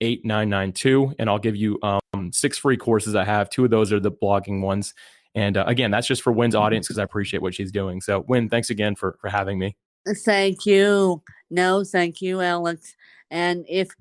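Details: Adult men in conversation; normal conversational speech.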